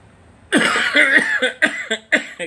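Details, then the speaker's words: An adult with a harsh coughing fit, one long cough followed by about four shorter rough productive-sounding bursts, which the speaker attributes to long-term marijuana use as a side effect: cough. "okay the coughing is just a side effect of the medicine I have to deal with it"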